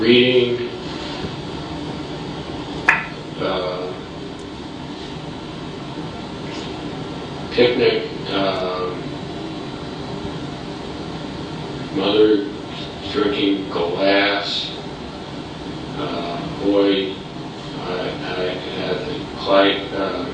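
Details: Patient with non-fluent primary progressive aphasia, atrophy centered on the inferior frontal gyrus (Broca's area) and posterior frontal lobe, describing a picture with word-finding hesitations, omitted grammatical words and abnormal syntax; agrammatism.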